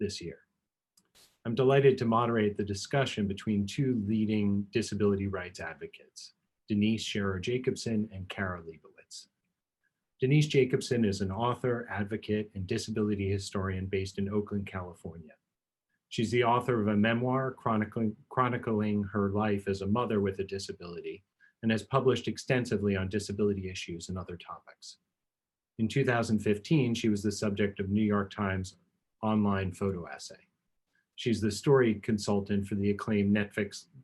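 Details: Adult male speaker; ordinary speech.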